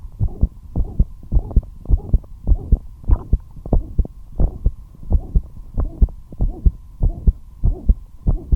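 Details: Heart murmur; the heartbeat became fast despite the patient being kept at rest.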